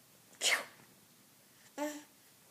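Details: Kid sneezing: two short sharp bursts, a breathy hiss followed by a brief voiced "choo".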